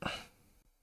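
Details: Single short, explosive cough from an asthmatic woman in the background, distant and fading quickly against quiet room noise.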